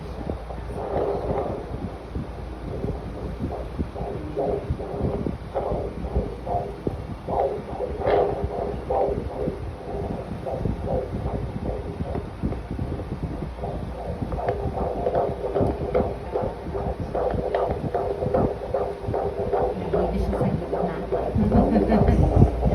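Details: Fetal heartbeat heard as fast rhythmic whooshing pulses, roughly 150 per minute, over a steady hiss.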